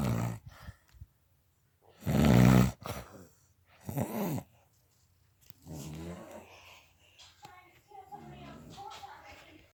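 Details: Adult woman (mother) snoring: loud, rough, rattling snores on in-breaths with gurgling, grunting sounds between them; heavy snoring.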